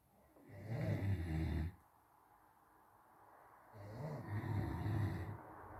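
Loud, rough, rattling snores on the in-breath with a quiet pause between them.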